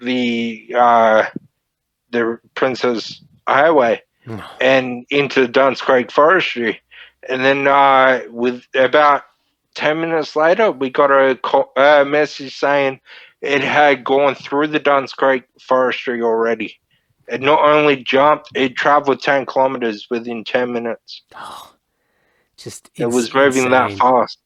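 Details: Dysarthria (slurred speech) from Friedreich's ataxia, a neurodegenerative disorder, in a 31-year-old man diagnosed at 14; he reports slurred speech and struggling with words as part of the disorder.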